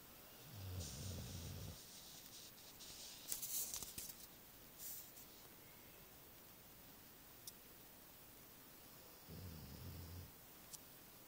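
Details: Female pitbull asleep, two low rumbling snores several seconds apart with quiet rustling between; snoring.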